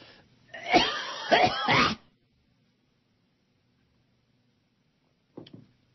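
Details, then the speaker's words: Adult on a radio show coughing on air, saying his cough is coming back bad and blaming phlegm: a burst of about three harsh, rough, wet-sounding coughs, then silence and a short throaty sound. "This cough is coming back bad. Not good."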